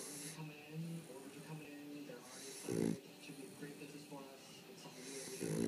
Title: Cash snoring.